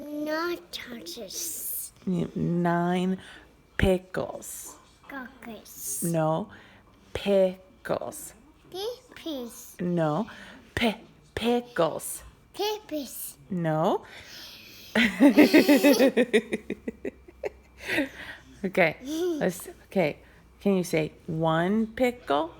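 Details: 3-year-old boy with childhood apraxia of speech practising "pickle", which he says like "coco"; speech-motor misfires.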